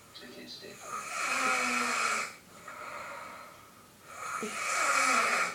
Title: Little snoring